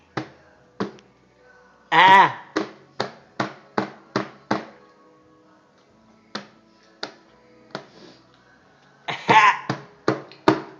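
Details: Infant coughing: about fifteen short, sharp coughs in quick runs, with a couple of high voiced squeals.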